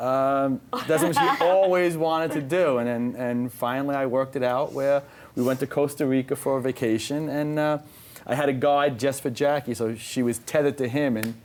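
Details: Adult speaker; Normal conversational speech.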